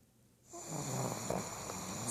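After a short quiet start, a continuous loud rattling, snorting breath noise: snoring.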